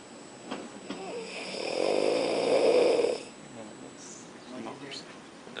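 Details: Student asleep in class snoring loudly: one drawn-out vibrating snore about two seconds long with faint room noise; snoring.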